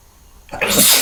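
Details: Quiet lead-in, then a single forceful, hissing burst of air, from a series of let-out and stifled sneezes: a sneeze.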